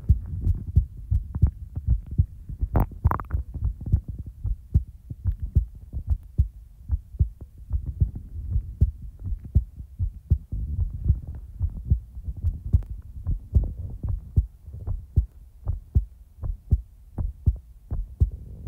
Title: Heartbeat ASMR ♡ (Relaxing, Peaceful, & In-real time) ☁️